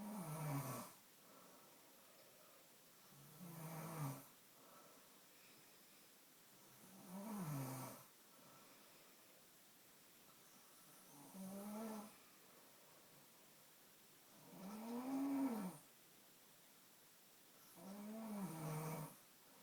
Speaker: Yeah, stop snoring.